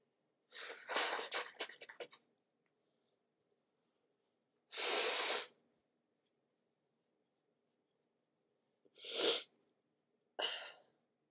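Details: Morning sneezing in a person sniffly from cooler weather and not sick; some sneezes natural, some induced with tissue. A run of sneezes, then two harsh bursts of nose blowing into a tissue, in a quiet room.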